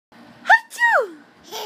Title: fake sneezing